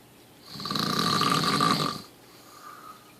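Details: Snoring from a sleeping man, recorded by his wife on a Samsung Galaxy S3 phone: one loud, rough, rattling snore on a long breath in, followed by a quiet breath out.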